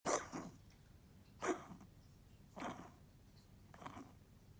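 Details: Four short, harsh cough bursts from a dog, spaced about a second apart in a quiet room.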